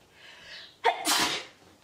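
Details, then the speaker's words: Woman with a sniffly, runny nose, sneezing all day, who calls herself allergic to New Zealand; hay fever suspected: a quick indrawn breath, then a loud explosive burst of air, a single sneeze. "Don't mind my sniffly face. Yeah, she's just sneezing the whole day. I'm allergic to New Zealand."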